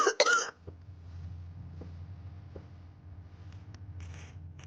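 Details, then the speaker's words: Cough in a woman told she probably has asthma after years of untreated rhinitis, needing a bronchodilator inhaler: a burst of two or three harsh coughs, then quiet breathing with low room hum. "결국 병원에 갔더니 아무래도 천식인 거 같다고 기관지를 강제로 넓혀 주는 약을 쓰면서 평생 관리해야 된다고 하더라고요."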